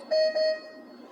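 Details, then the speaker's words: Ventilator alarm in a paediatric ICU setting, sounding for out-of-range readings such as raised pressure or large leak, alarm volume turned down: two short electronic tones. "अगर ventilator alarm भी दे रहा है किसी कारण से जैसे pressure बढ़ गया है या फिर लीक बहुत ज्यादा बढ़ गया है"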